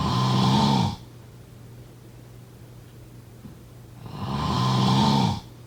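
Two droning, buzzing snores about four seconds apart, with a steady hum between: snoring.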